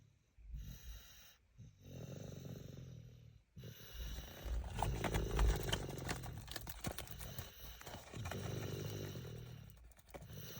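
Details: Soft rattling snores from a sleeping 25-month-old toddler with a cochlear implant, asleep in a moving car, mixed with road noise; snoring.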